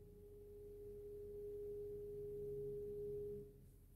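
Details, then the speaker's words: A steady, pure ringing tone that slowly fades and stops, from a tuning fork held to the first ear in a role-played hearing test for mild hearing loss; the patient is asked to say when it stops. "So if you listen, it's got mini vibrations in it, and it helps us to identify when you can no longer hear the sound."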